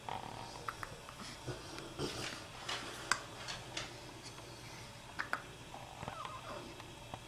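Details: Four-day-old swaddled newborn girl with hiccups: soft, brief squeaky catches repeating every second or two, a normal harmless event.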